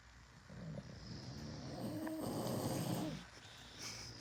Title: Can’t even watch tv they snore so loudly #bulldogs #dogs #dog